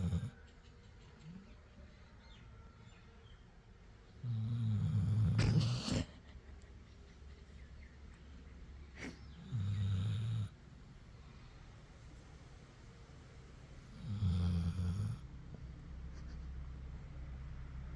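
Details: A Labrador dog snoring: low, rumbling snores with quiet pauses between breaths, three in about 18 seconds, over faint room noise.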